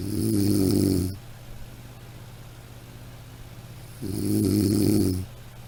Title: Snoring sound